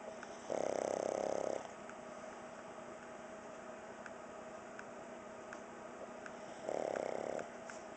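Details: 1½-year-old pug snoring loudly while sleeping on the couch.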